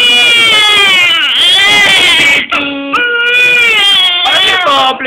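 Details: Baby girl crying her lungs out: loud, continuous, long high-pitched wails with brief catches for breath.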